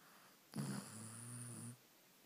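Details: Dog snoring on the sofa in the evening after a busy day, recorded on an iPhone: a single drawn-out, low rumbling snore of about one second in a quiet room.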